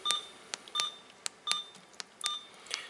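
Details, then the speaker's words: Hospira Alaris infusion pump in maintenance mode during a keypad test: short high beeps mixed with button clicks, several in under three seconds, as each button is pressed and checked. "From here this it looks like the screens blank, but all you need to do is start hitting these buttons. It's just checking functionality of each button."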